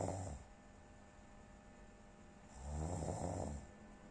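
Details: Deep, low, fluttering snores on the breath in, with a quieter pause between them: snoring, with a faint hum in the room.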